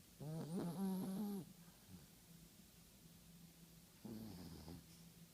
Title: Snoring Yorkie